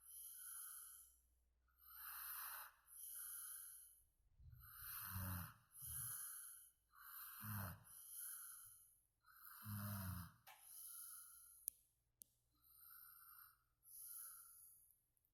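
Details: Snoring in sleep: rough, fluttering breath sounds with each breath cycle, about 13 breaths a minute, over a faint steady background hum.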